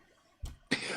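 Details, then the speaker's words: A frequent cough that the person says comes from a deep lung infection he has, heard during a conversation. "so you hear that cough that I frequently have? Yes. That's like a deep lung infection that I have."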